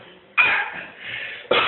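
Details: An 8-month-old boy putting on a fake cough at a doctor's visit for his father: short, forced infant cough bursts, a voluntary cough rather than illness.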